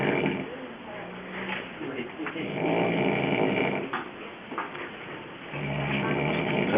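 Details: Yib snoring in the morning during sleep: repeated rough, rattling breathing sounds over steady background noise.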